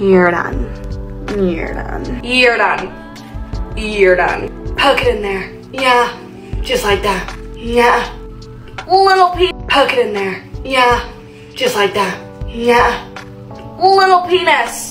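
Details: Tourette syndrome vocal tics with coprolalia and repeated phrases in a young woman diagnosed at the Mayo Clinic at 18 and 19 at one point in the compilation. Clips trace tic progression over time, with background music.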